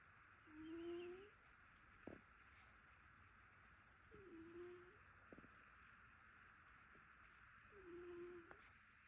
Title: Snoring cat #ytshorts #cat #cutecat #cute #funnycat #funny #kitten #youtubeshorts #funnycats #vlog